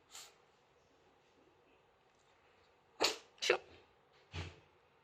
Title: the dog sneezes (chiwawa)